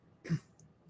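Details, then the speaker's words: Adult still recovering from a recent illness gives a single short, dry cough or throat-clearing burst; lingering cough. "are you feeling better yet I'm still you can hear my cough"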